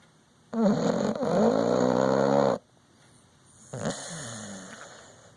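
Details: Dog snoring: a loud, long buzzing snore on the in-breath, then a softer fluttering snore; rough, vibrating snoring breaths.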